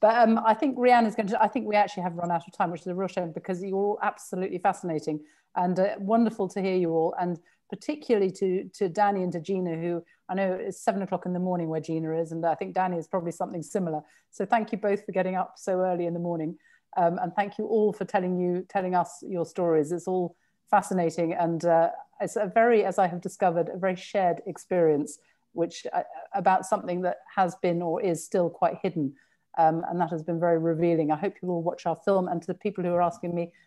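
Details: Adult woman speaking; fluent speech.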